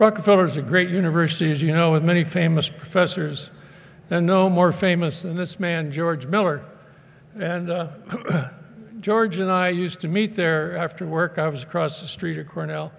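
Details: Adult man; normal speech.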